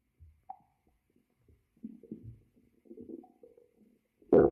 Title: Stomach growl.My tummy’s hungry.